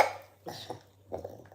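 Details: A person coughing during a family cold: two short bursts of coughing, each with a couple of quick rough pulses, over a faint room hum.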